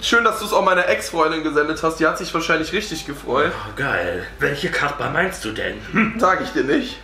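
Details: Adult speaker; normal speech.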